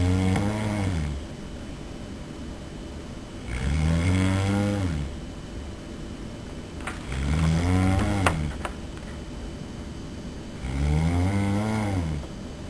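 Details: Person asleep, recorded by a roommate: loud, deep, rattling snores, four in the clip at about 17 a minute, each with a quiet pause between them.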